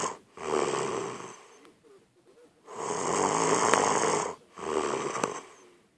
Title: Extremely Loud Snoring